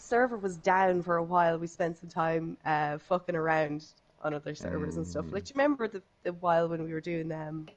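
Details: Adult speaker, likely female; Normal conversational speech.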